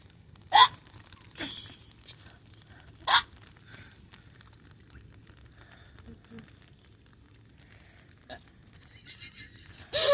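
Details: Hiccups recorded outdoors at a pool in early July: sharp, abrupt gulping clicks, three in the first few seconds and a fainter one later, with faint outdoor background.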